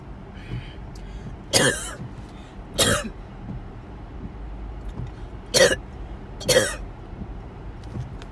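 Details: Four forceful, harsh coughs in quick bursts over steady car noise, recorded in a moving car on the way to the hospital/ER during a series of coughing attacks; coughing fit.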